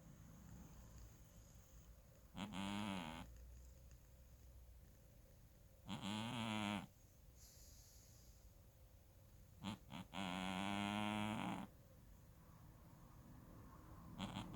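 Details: Sleeping cat snoring: buzzing, rattling breath sounds repeating about 16 a minute, some long and drawn out, over quiet room noise; snoring.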